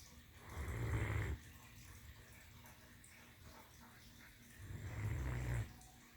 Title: Dream girl the Great Dane snoring while laying on her pillow.